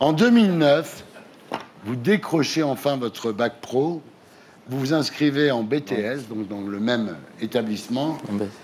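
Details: Adult man, interviewer narrating; ordinary speech.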